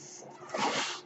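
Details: The speaker's own mechanical ventilator heard in the background while they talk on a podcast: mechanical ventilator breath.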